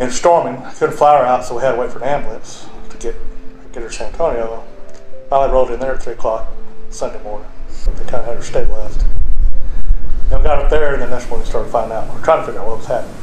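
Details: Adult man; typical speech.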